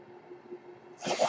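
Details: Speaker's own mechanical ventilator heard during podcast recording: quiet room hum, then a sudden rushing hiss as a breath begins; mechanical ventilator breath cycle.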